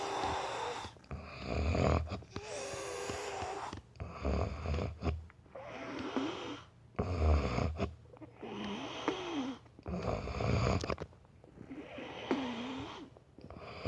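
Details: Heavy snoring in a man: loud, rattling snores on repeated breaths, about every two seconds, with snorting and some whistling.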